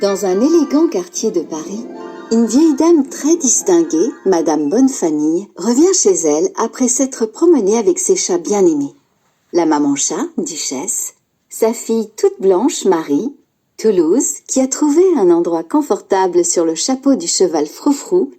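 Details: Adult female narrator reading a recorded children's story; normal speech.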